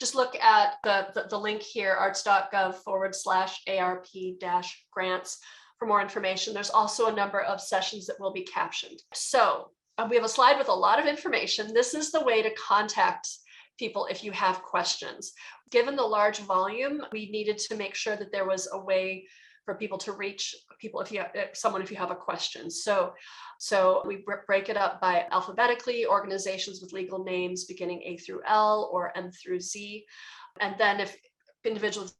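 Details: Adult woman who says she is a person who stutters, with word repetitions; stuttering.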